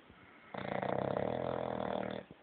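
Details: Sleeping bulldog: one long, buzzing, fluttering snore lasting nearly two seconds; dog snoring.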